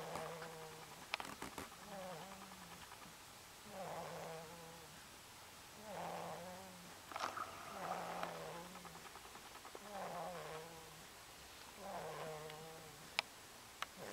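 A sleeping cat snores in a steady rhythm, each breath giving a low, buzzing, fluttering tone.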